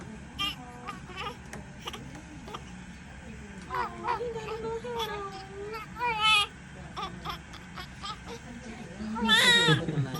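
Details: Short, high-pitched wailing cries with whimpers from a newborn boy just after birth, delivered face down, over steady room noise; a normal first cry.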